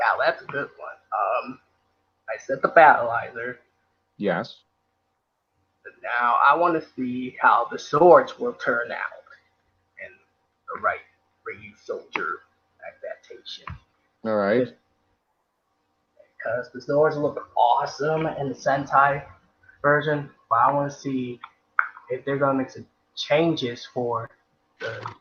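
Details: Adult man speaking; ordinary speech.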